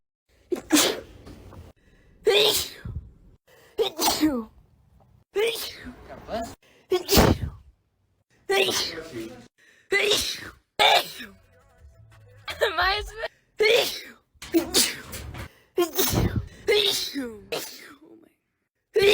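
A run of about thirteen sharp, explosive sneezes, each with a quick intake before the burst, separated by short pauses.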